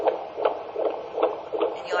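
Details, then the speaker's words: Fetal heartbeat heard by Doppler during a pregnant abdominal examination, rate in the 140s counted over 15 seconds; rapid, regular whooshing pulses within the normal range. "yet this baby's heart rates running in the 140s"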